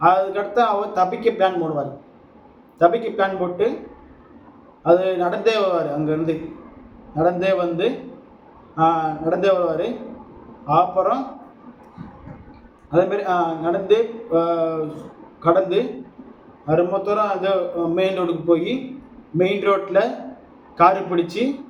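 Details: Adult Tamil-speaking man who identifies as a person who stammers; stuttering.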